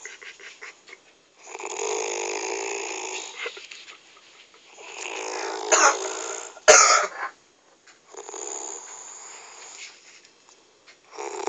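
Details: The uploader's mother snoring, likened to a tractor: loud, harsh, rattling snores with each breath, coarse and rumbling like an engine, with brief pauses between them.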